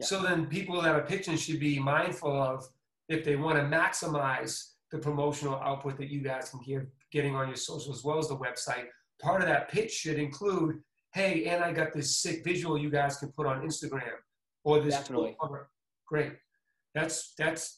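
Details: Adult man; typical speech.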